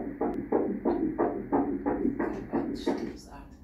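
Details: Normal fetal heartbeat at 8 weeks of pregnancy on ultrasound: fast, regular whooshing pulses, about 170–180 beats per minute per the doctor.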